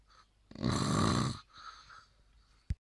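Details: Snorer wearing an anti-snoring device that does not work, one loud, rough, rattling snore on an inhaled breath, then a softer breath out and a short click; snoring.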